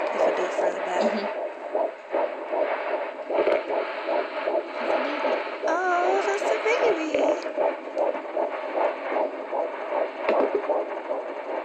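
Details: Rapid, regular whooshing pulses from a handheld Doppler: fetal heartbeat at 12 weeks of pregnancy, about 150 beats a minute.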